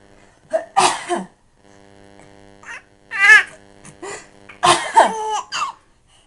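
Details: Adult sneezing and coughing in a small room, answered by a baby's laughing squeals; ordinary sneezes and cough-like bursts.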